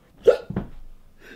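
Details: Comedy sketch of an adult man with hiccups: a single sharp, voiced hiccup followed by a short breath, acted rather than real. Simulated hiccups.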